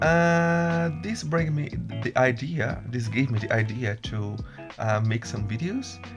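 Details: Brazilian Portuguese native speaker who stutters, speaking English; stuttering.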